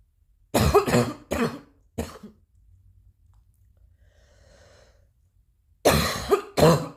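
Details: Cough: a short burst of three or four coughs, a quiet pause, then two more harsh coughs, six in all.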